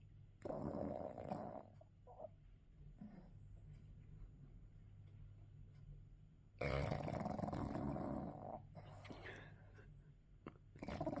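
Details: Sleeping bulldog: two loud, rattling snores several seconds apart, with quieter breathing between them: heavy snoring.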